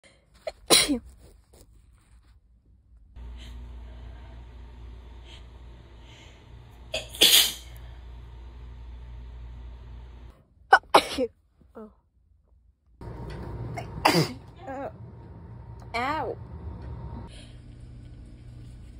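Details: Compilation of one person's sneezes recorded before being sick: separate sharp sneezes, some with vocal buildup, some stifled, over quiet room noise; sneezing.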